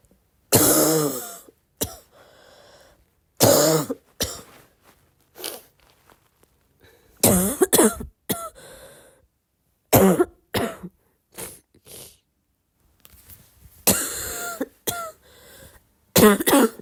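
Repeated harsh coughs in uneven bouts with quiet breaths and throat clearing between them, in a quiet room.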